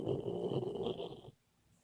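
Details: Sleeping, dreaming Boxer puppy snoring: a short, rough, rattling breath sound, then quiet.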